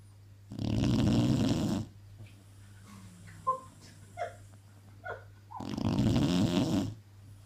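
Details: Snoring.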